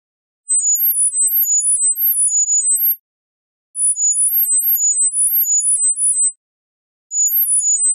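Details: Acoustic coordinated reset (CR) neuromodulation tone sequences for tinnitus treatment, from 1000 to 10,000 Hz at 1000 Hz intervals, 10 seconds each: rapid, shifting-order sequences of short high-pitched pure tone pips separated by brief silent gaps.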